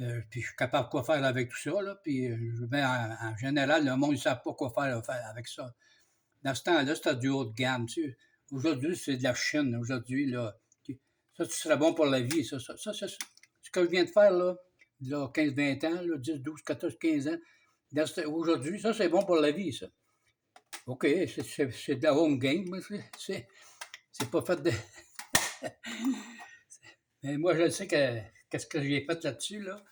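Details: Man with aphasia for almost 2 years, after an event with 45 days in hospital and loss of speech; starting to talk again but often loses words, with word-finding pauses, repetitions and distorted words; aphasia.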